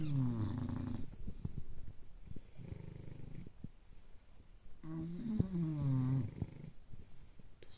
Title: Bulldog snores